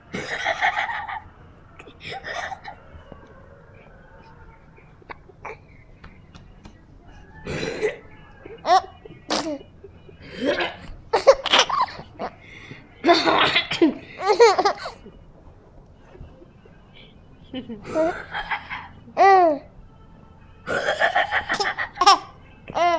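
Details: A 5-month-old baby girl bursts out laughing at her brother's cough: short, dry coughs from a young child alternate with high, giggling infant laughter.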